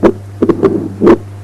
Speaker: Mitral stenosis at the apex with a loud S1, opening snap, low-pitched mid-diastolic murmur with pre-systolic accentuation.